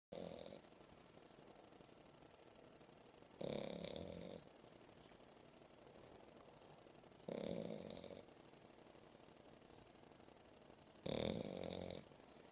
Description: Momo the english bulldog loves to fall a sleep on my lap after playing around and snores like crayyyyzyyy.and she is just seven month..